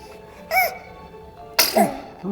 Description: A smile and then a sneeze